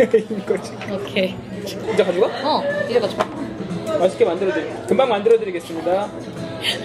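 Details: Adult speaker; normal voice.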